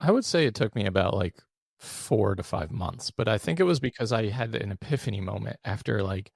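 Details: Adult man with one vocal cord paralysed after open throat surgery for a rare, chronic, recurring throat condition (endoscopic surgery in 2021, recurred within 4 months); voice improved but still fatigues daily, with vocal fry; unilateral vocal cord paralysis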